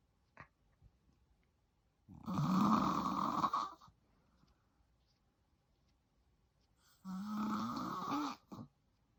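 Two long, loud, rattling snores about five seconds apart, on the in-breath, with quiet breathing between them in a still room. Ordinary snoring.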